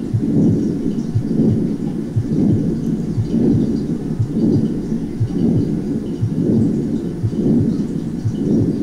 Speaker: así podemos escuchar el soplo de la persistencia del conducto arterioso escocia en un soplo continuo vean la forma romboidal inicia con el primer ruido y termina con el primer ruido